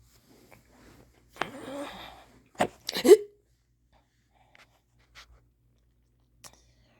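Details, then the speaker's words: Person who just woke up with sudden, very strong hiccups after a long time without them: a breathy sound, then abrupt, forceful hiccup bursts with a voiced catch, then quiet with faint clicks; hiccups. "morning I have hiccups they're so strong I haven't had them in so long"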